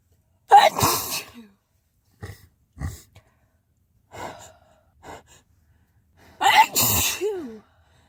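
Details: Person sneezing in a car: two sharp, explosive, messy sneezes with soft snuffling breaths between them.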